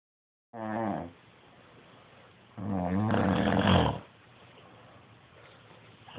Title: Snoring spouse